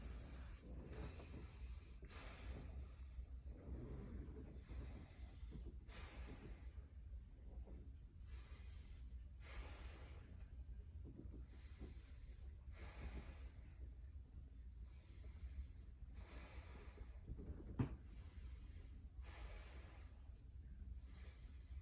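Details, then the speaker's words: Adult patient taking deep breaths during a student physical therapist's lung auscultation check for normal breath sounds; repeated soft, airy breaths in and out over a low room hum. "okay be sure to take some deep breaths for"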